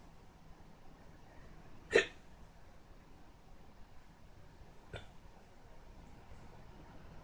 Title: hiccups again